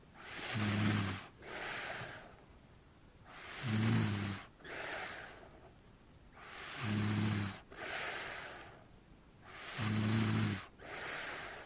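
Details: Snoring at night, sound-effect ambience recording.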